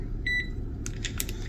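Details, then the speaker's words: Short electronic beep as the prime button on an Avoset infusion pump is pressed, then soft clicks as the pump begins priming the tubing before the patient is connected; infusion pump button beep. "Press the square button with prime written over it."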